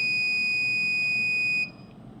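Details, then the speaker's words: Steady high-pitched electronic alarm tone that stops abruptly, from a temporary dual-chamber pacemaker. It sounds because the lead is not connected and stops once it is connected; a disconnection alert. "Vocês estão observando esse barulho, esse alerta sonoro? É aquilo que eu comentei antes da falta da conexão. Não está conectado, ele fica fazendo barulho."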